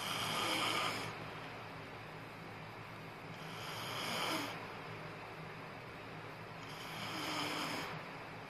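Slow breathy snoring, about three breaths in eight seconds, over steady background hiss; snoring.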